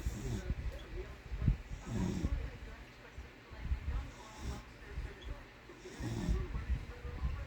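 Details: Low rumbling snores recurring about every two seconds, roughly 30 a minute, with quieter gaps between them; ordinary snoring.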